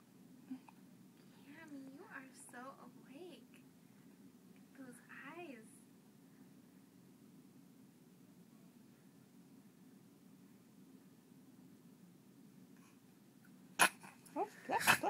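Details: Cameron, a little one who sneezes often, head whipping around: quiet room with soft vocal sounds, then a sudden sharp violent sneeze burst and brief snorts; sneezing.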